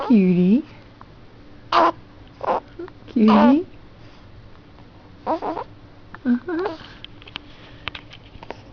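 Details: Infant cooing and grunting with several brief, abrupt catches between the sounds, fitting hiccups; an adult's voice is in the background. Infant hiccups.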